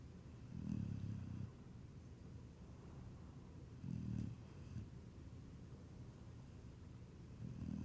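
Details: Low, rumbling snores about every three seconds, roughly 18 a minute, through a congested nose after getting dirt in his nose while digging; snoring.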